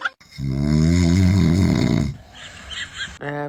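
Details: A single long, deep, vibrating snore on inhalation from a sleeping dad, followed by a brief vocalization from a baby who is scared by the snoring.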